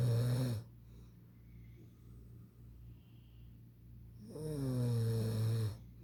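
Two deep, low rumbling snores on inhaling, separated by a quiet gap of several seconds, with a steady low hum in the room.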